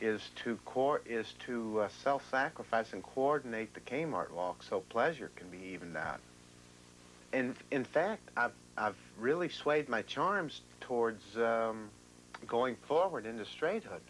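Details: 35-year-old man with severe schizophrenia, ill for 17 years, with extreme thought disorder, in real 1990 documentary footage: disorganized speech (formal thought disorder).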